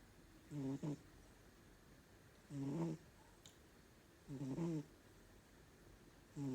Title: #Shorts A CAT Snoring and dreaming | Un Gatto russa e sogna คลิปแมวนอนกรน คลิปแมวตลกๆ